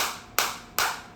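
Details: Sharp, evenly spaced snapping clicks at about 180 pulses a minute from a focused (not radial) shockwave therapy device set to maximum frequency, intensity auto-adjusted to 9, applied to the demonstrator's body.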